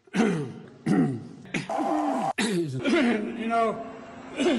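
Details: A man gives several short, harsh coughs and throat clears, with bits of voice in between.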